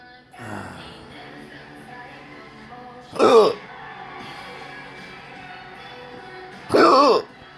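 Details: Persistent intractable hiccups since December 2015, with breathing and choking spasms and erratic stomach sphincter control, cause undiagnosed; sharp abrupt hiccups recur about every 3.5 seconds over background music.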